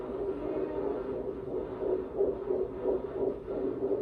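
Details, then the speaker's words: Fast, regular whooshing pulses, roughly 170–180 a minute, on fetal Doppler at a first OB-GYN appointment in an IVF pregnancy; a normal, good strong fetal heartbeat. "That is beautiful. Good strong heartbeat."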